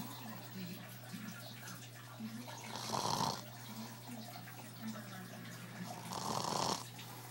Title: Snoring hub! Hahahaha